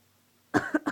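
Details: A school-age child gives a short burst of three quick coughs after a moment of quiet.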